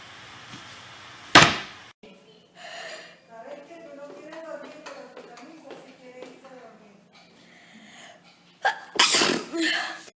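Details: Compilation of classic sneezes: two loud, explosive sneezes separated by quiet talking, the second a quick double burst.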